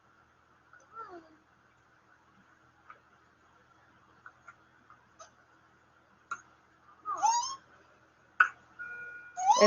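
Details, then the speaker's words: Pertussis (whooping cough) in an infant girl: faint gasps and squeaks build to a loud, high-pitched indrawn whoop as she struggles to breathe, with a monitor alarm sounding as her oxygen drops. "so here is an infant girl that has whooping cough you can hear the loop you can see you're struggling to"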